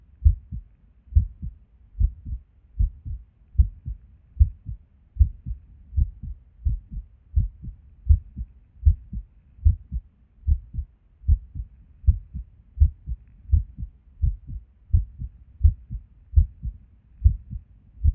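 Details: Resting heartbeat recorded at Erb's point while sitting at a desk: low thumps about 75 a minute with uneven spacing and occasional longer pauses; irregular heartbeat with skipped beats.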